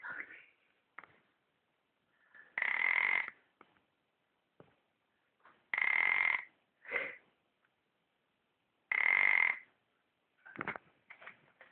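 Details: Small sleeping shih tzu dog snoring through the nose: three drawn-out, high, whistling snorts about three seconds apart with faint snuffles between, not waking.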